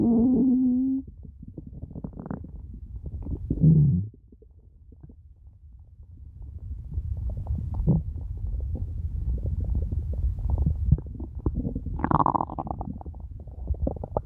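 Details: Hungry stomach growling: low gurgling rumbles and a few tonal growls, borborygmi.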